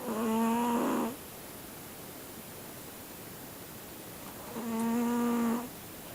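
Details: A Siamese cat snoring like an old man: two loud, buzzing, droning snores on the in-breath, about four seconds apart, with quiet between; deep cat snoring.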